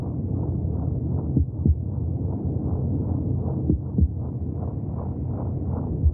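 Muffled, whooshing low thumps under a steady rushing background, heartbeat sounds from inside the womb.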